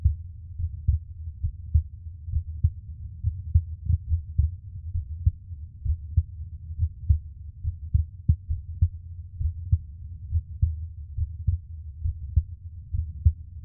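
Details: Adult man's own heartbeat recorded for ASMR relaxation: soft, regular low thumps at roughly 70 beats a minute with no added noises; a normal heartbeat.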